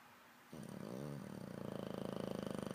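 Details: A sleeping English bulldog, after a quiet moment, breathes in with a loud, low, rattling flutter that steadily grows stronger: snoring.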